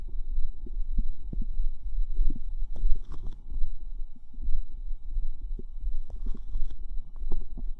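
Continuous low, irregular gurgling and bubbling rumbles with scattered soft pops. These are ordinary bowel sounds from the abdomen.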